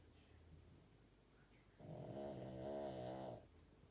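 A single loud, rattling, droning snore on the in-breath from a sleeping dog, lasting about a second and a half; ordinary snoring.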